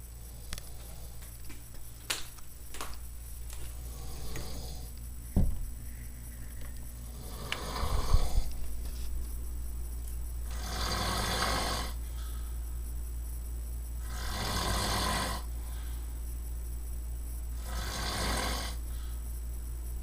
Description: Our son snoring